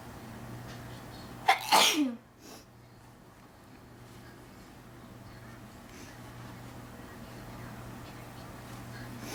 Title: Induced Sneezing #1